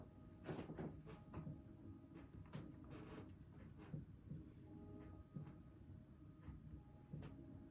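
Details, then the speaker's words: Examiner percusses a female patient's back over all lung fields: about a dozen dull, hollow finger taps, with nothing abnormal noted; normal chest percussion. "Okay, percussion is done. Nothing noted there."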